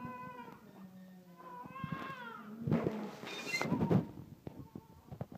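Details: First cry of a newborn right after birth: thin, high wavering cries and short wails, with clatter and room noise behind.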